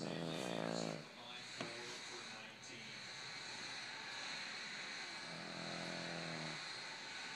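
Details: Boston Terrier, a short-nosed dog: rattling, buzzing, engine-like snore on inhalation, rising and fading over a few seconds against steady background hiss; snoring.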